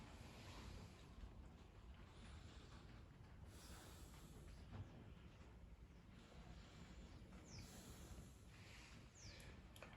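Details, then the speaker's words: Normal bronchial breath sounds through a stethoscope over the anterior region: loud, high-pitched, intense, harsh and hollow breathing, as heard over the trachea. "Encontramos el murmullo bronquial. Este es un sonido de tono agudo, intenso y áspero, y se localiza en la región anterior sobre la"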